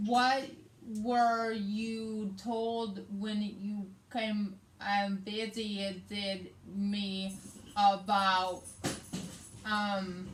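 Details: Adult woman with aphasia after a hemorrhagic stroke on May 19, 2020, treated with brain surgery; also has right-side hemiparesis; her aphasia also affects reading and writing.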